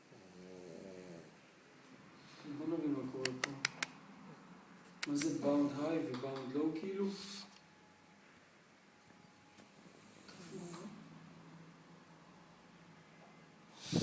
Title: Jimmy the snoring dog